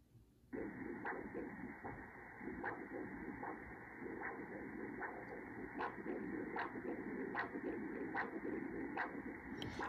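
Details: Colour flow and pulsed-wave Doppler of the distal common carotid artery on a MiniSono ultrasound system during a vascular study: a steady rushing signal pulsing at about 76 per minute, normal carotid arterial flow.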